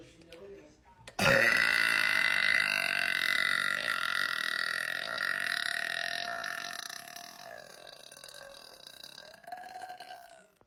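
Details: A prolonged burp during a Sprite challenge: one long, loud, voiced belch lasting about nine seconds that fades toward the end.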